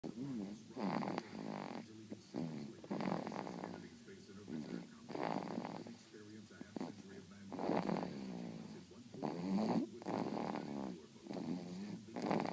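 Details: Baby snoring: repeated rough, fluttering breath sounds, about six in twelve seconds, with some room noise.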